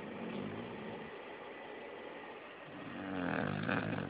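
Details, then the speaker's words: Heavy snoring from a sleeper the owner calls my baby, loud enough to hear from the front porch over an air conditioner: loud, rough, rattling breathing with a rising harsh inward snore. "The next sound you're about to hear is my baby talking in her sleep. No, she's snoring."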